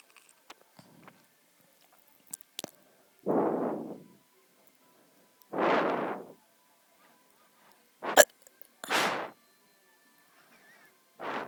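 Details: Repeated hiccups, with breathing onto the camera: short breathy bursts about every two seconds, some with a sharp catch.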